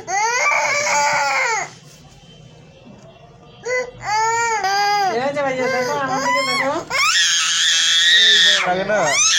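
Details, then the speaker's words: Young child crying loudly in high wailing bursts with sobbing breaths after root canal treatment (RCT) of upper right and left first deciduous premolars, while being comforted: "no more, don't cry". "এই যে এই যে আর লাগবে না আর লাগে না কান্না করে না ও"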